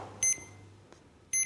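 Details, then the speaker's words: Short high electronic beeps, a series of three, from a CADD Legacy PCA morphine pump as the purge key is held to prime the tubing; training demonstration. "entendez alors une série de trois clips des tirs et s'affiche à l'écran appuyer de nouveau sur le bouton et maintenu le la purge est en cours"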